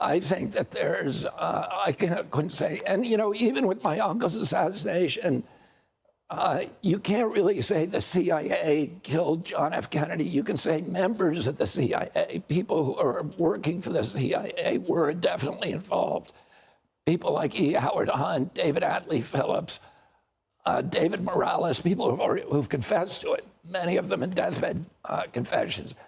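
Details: Adult man with neurological spasmodic dystonia affecting the voice, with onset at age 42 after a previously strong voice; spasmodic dystonia.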